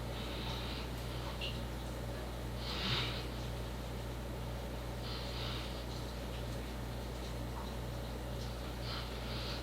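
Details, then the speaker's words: Dog snoring in a room, an odd noise that startled the owner. "Oh, it's my dog snoring. I was like, what the hell is that noise?"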